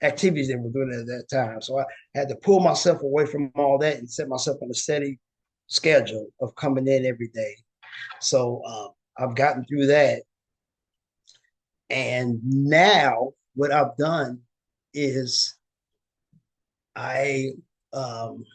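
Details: Aphasia with word-finding difficulty and paraphasias in a woman living with aphasia after a stroke or injury.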